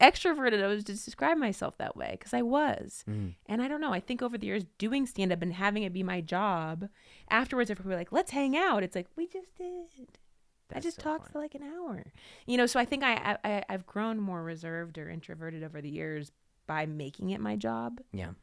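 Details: Adult woman; No speech disorder.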